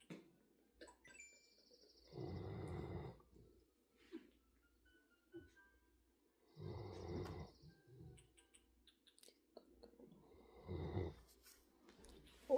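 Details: Giant schnauzer dog snoring while asleep in a lap: three rough, rumbling breaths roughly every four seconds in a quiet room.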